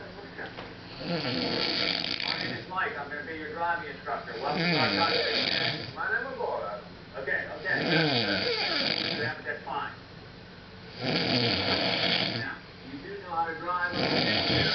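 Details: Loud, harsh, vibrating snores roughly every three seconds with rattling breaths between, from a man passed out after a night of heavy drinking; ordinary heavy snoring.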